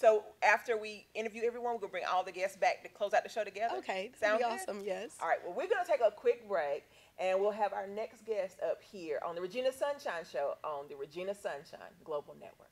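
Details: Adult woman; Normal speech.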